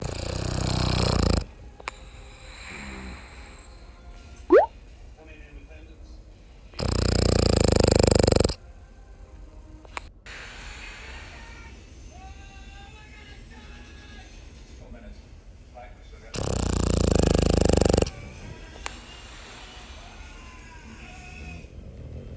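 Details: 11-month-old Boston Terrier puppy snoring very loudly, worse lately after much outdoor play: two long, loud, rough breath sounds about ten seconds apart with quieter room noise between; snoring.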